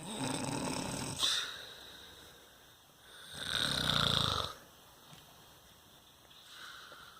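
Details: A sleeping adult man (a dad) snoring: rough, rattling snores on breathing in, separated by quiet pauses, over background room noise.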